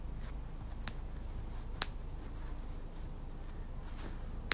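A few sharp, isolated pops from finger knuckles being cracked in a quiet room.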